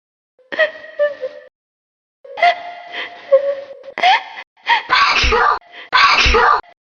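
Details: Woman (housewife) sneezing: voiced build-up breaths ending in two loud, explosive sneezes.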